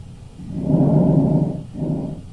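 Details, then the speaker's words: Simulated patient on a virtual-reality training table: soft, low-pitched breath sounds on lung auscultation with a virtual stethoscope placed near the lungs, one long breath and another beginning. "so when you want to press breathing you can do auscultation of the lungs so you just press where you want to listen and you can hear him breathe"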